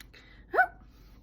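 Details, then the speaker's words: Single brief voiced inward hiccup-like sound from a person with Tourette syndrome (onset age 9) and severe asthma; vocal tic. "Because I used to do this weird inward hiccup. And I had gone to the doctors and I asked my asthma specialist why I did this weird hiccup thing."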